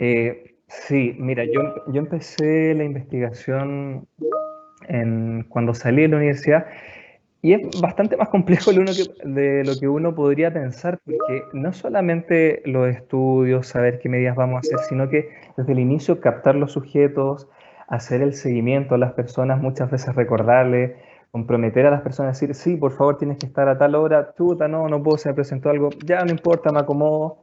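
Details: Adult male speaker, online seminar; ordinary speech.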